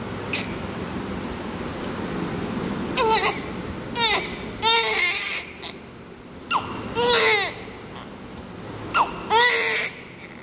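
Repeated short, high-pitched newborn cries in bursts over steady room hiss, heard during airway suctioning; vigorous, normal crying.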